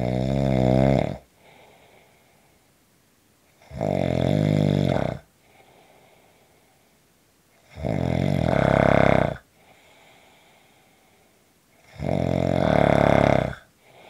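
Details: Loud, harsh snores on each in-breath with softer out-breaths between, about 15 breaths a minute; snoring.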